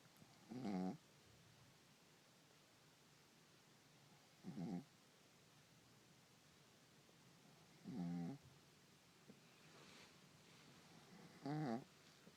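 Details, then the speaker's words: A cat snoring while sleeping with a man: four short, low rattling snores, roughly 17 a minute. "and gentlemen, doubles and Daddy is snoring."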